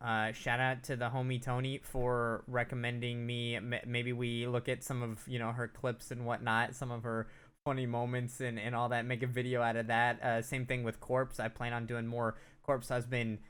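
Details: Adult male speaker; ordinary fluent speech.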